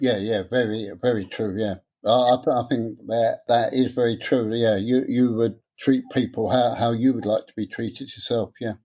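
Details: Adult man with stuttering since about age seven, beginning after childhood trauma; he later attended a three-day adult therapy course.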